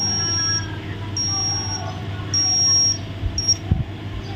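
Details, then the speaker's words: Repeated high-pitched beeps from a digital axillary thermometer on a newborn during a neonatal emergency evaluation practice, signalling the reading is done; result normal at 36.5 °C. "Alhamdulillah, Ibu hasilnya normal 36,5 derajat Celcius."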